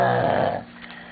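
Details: A single buzzing, growl-like snore from a sleeping dog, fading within about a second; snoring.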